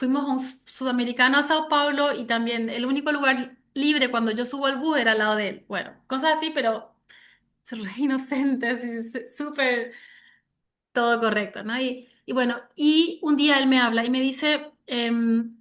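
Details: Developmental stuttering in an adult Spanish-speaking woman, onset at age 6; now mild, with about 80% fluency and cyclic variation.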